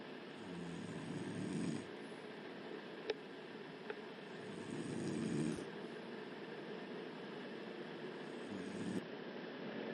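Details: Adult woman asleep in pajamas, lights on: rough, low snoring breaths recur every few seconds over steady room noise; loud snoring during sleep.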